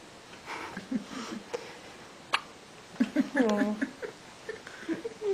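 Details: Hiccups in a 2-day-old newborn boy, wide awake after resting: small, soft hiccups with brief infant sounds between them, adults talking quietly nearby.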